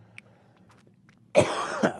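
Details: A single short, harsh cough burst after quiet room sound from a person; an ordinary isolated cough.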